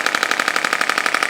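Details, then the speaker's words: Radial shockwave therapy device running on the lower back of a woman with 5+ years of chronic lower back pain, lacking lumbar flexion, with adhesion near the supraspinous ligament; rapid, even tapping pulses at about twelve a second while she rounds her back and reports soreness. "All this pressure wave does is just melts the adhesion for all you guys have to know at home."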